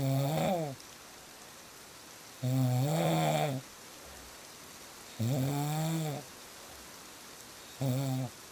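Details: Deep, vibrating snores about 23 a minute over steady rain noise, presented as real snoring sounds for sleep; ordinary snoring.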